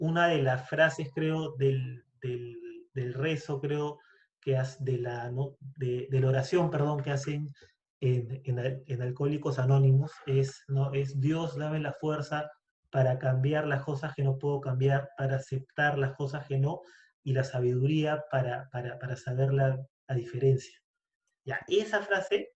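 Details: Adult man who stutters, speaking Spanish in a conversation between two people who stutter, where stuttering variability and blocks are discussed; stuttering.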